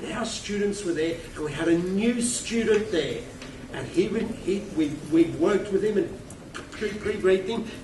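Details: Adult male keynote speaker with a self-reported stutter who finds microphones scary, speaking at a conference; stuttering.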